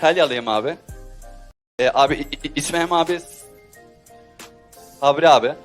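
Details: Stuttering in a contestant who stutters when talking but raps normally, heard introducing himself to a jury on a TV singing show.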